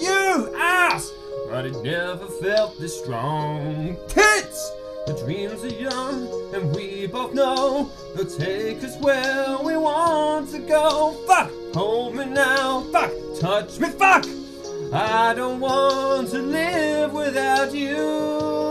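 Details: Singer with Tourette syndrome singing karaoke; involuntary obscene words and shouts interrupt the lyrics; vocal tics (coprolalia).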